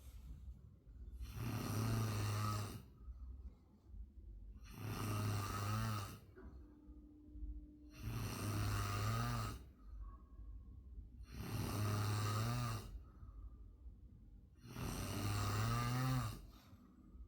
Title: ultimate snoring sound part 3(2)